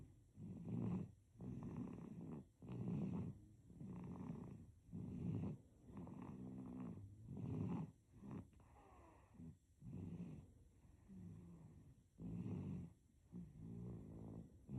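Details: Sleeping baby snoring: soft, rapid, purring snores with short breaths and brief snorts.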